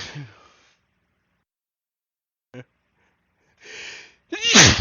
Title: Drunk sneezes (a few buildups)